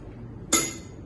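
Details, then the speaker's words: Nursing skills-lab role-play of an adult male patient doing effective-cough training before chest physiotherapy, coached to cough harder: one short, forceful voluntary cough, an acted demonstration to clear sputum. "Tekan batuk Pak. Kemudian lebih keras lagi Pak."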